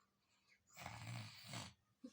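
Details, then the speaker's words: Young child snoring in sleep: a single rough, rattling snore lasting about a second. "yang kencang ngorok gimana ngorok ngorok dong ngorok"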